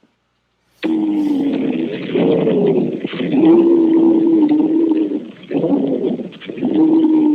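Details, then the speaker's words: Simulated/recorded wheeze played as an example of airway narrowing, as in an asthma attack or airway inflammation, heard by stethoscope: continuous musical whistling over repeated breaths. "Normalmente se va a escuchar una sibilancia y la sibilancia tiende a escucharse de la siguiente manera"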